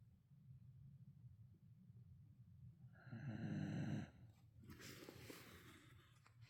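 One loud, low, rattling snore on a breath in, with quieter breathing and room noise around it.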